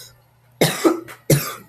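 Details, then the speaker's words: Two loud, harsh coughs about a second apart from an adult bus driver who has been sick with the flu, recorded while driving a bus route early in the morning; flu cough. "Well, explanation for my recent inactivity is I've been sick."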